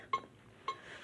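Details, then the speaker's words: Two short clear beeps about half a second apart from an AED metronome during a demonstration. The beeps follow a delivered shock and the prompt to resume CPR, and they mark the chest compression rate. "beep that you hear right there, that's the rate that you're supposed to do the compressions. Or you can think about the Stayin' Alive song."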